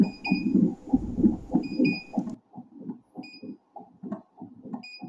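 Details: Rapid, regular whooshing pulses from an Elitech Sonotrax Pro handheld fetal Doppler, heard in the final test after repairing its probe. The probe had failed to detect a fetal heartbeat after an earlier cable replacement.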